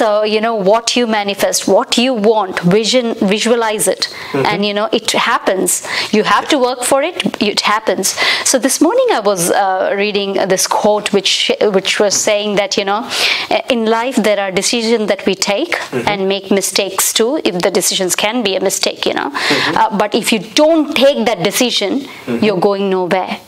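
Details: Adult woman speaking; Ordinary speech.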